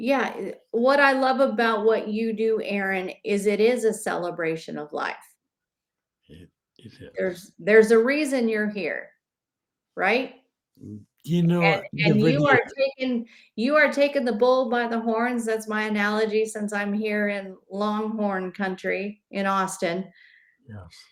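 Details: Adult woman speaking; Plain speech.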